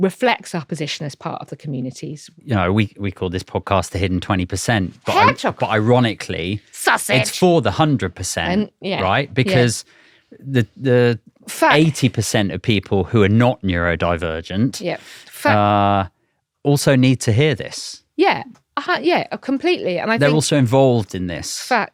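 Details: Adult man speaking, with brief replies from a second voice; normal conversational speech.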